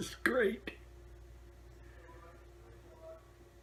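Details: Person laughing at their own hiccups during about two minutes of hiccuping: a single sudden voiced hiccup followed by a brief click, then quiet room noise.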